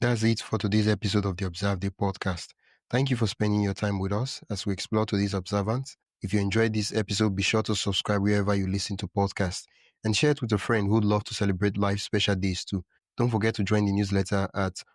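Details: Adult male speaker, podcast host; normal voice.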